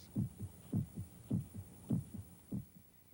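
Steady paired low thumps, lub-dub, at about 100 a minute with a faint hum behind: a regular heartbeat.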